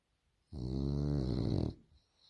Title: french bulldog snoring snore funny